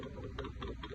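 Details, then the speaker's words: Fetal assessment of a pregnant woman by Doppler: rapid, closely spaced whooshing fetal heartbeats above the normal 110 to 160 range, indicating fetal tachycardia. "that's tachycardia, just the same as an adult patient, tachycardia."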